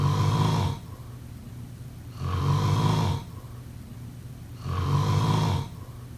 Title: Snoring sound … #5